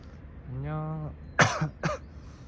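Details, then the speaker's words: Adult hiker, exhausted and out of water on a 34°C day, climbing stairs on the Baegak section of the Hanyang city wall trail: a throat sound, then two sharp coughs close together while out of breath; cough. "아휴 이게 날이 온도가 올라가고 물이 떨어지고 하니까 아 지금 기침도 나고 체력적으로 많이 힘드네요"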